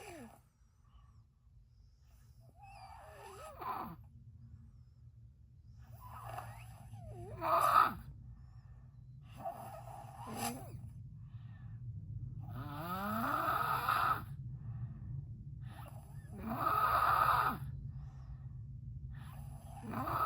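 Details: Loud snoring recorded for a doctor's review: irregular snores every few seconds with rattling and whistling tones over steady room hum.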